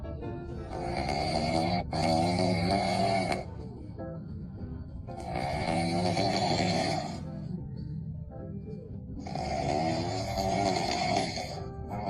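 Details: "Little bear" sleeping and snoring: three long, rough, rattling breaths, about 16 a minute, with music in the background.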